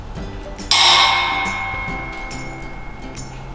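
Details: Physical examination of a mother: a sharp strike, then a clear steady ringing tone that slowly fades, with faint room knocks; vibrating tuning fork for the Rinne hearing test.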